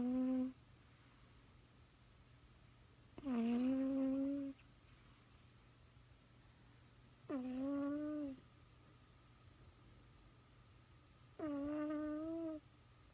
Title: Harrison the Old Snoring